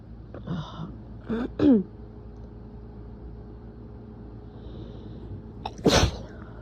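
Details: Adult with a lingering head cold: rapid, strong sick sneezes with build-ups and a nose blow.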